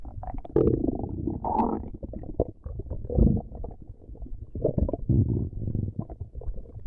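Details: Stomach growling (borborygmi).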